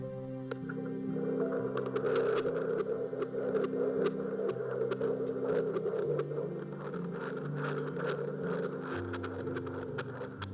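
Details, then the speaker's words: Rapid, soft whooshing Doppler pulses at about 140/min under background music, recorded at a 24-week (six-month) prenatal appointment: fetal heartbeat on Doppler. "That was the sound of a future that Lisa and I dreamed of. We didn't know what it would be like, but that was the sound of heartbeat before she was born."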